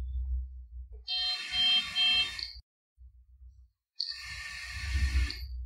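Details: Two bursts of a high electronic alarm tone with low machine rumble between them, from a 910C NXT anesthesia workstation as ventilation starts.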